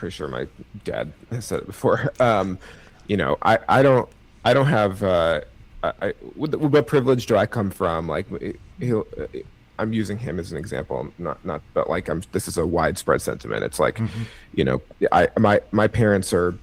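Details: Stuttering in an adult man with cerebral palsy, who thinks his stutter is part of his CP; his triplet brothers also have cerebral palsy.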